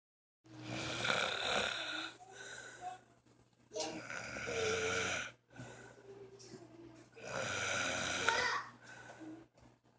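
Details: Man who snores when his fan is off, snoring said to get louder; loud, harsh snores with quieter whistling out-breaths, about 18 a minute; snoring during sleep.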